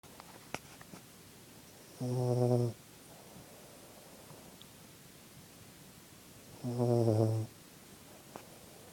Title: Snoring sleepy puppy